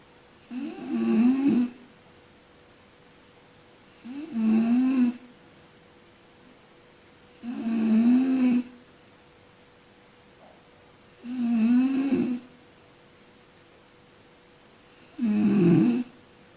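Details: Sleeping person snoring: rough, rattling snores on each breath in, about 17 a minute, with quiet pauses between, against a faint steady room hum.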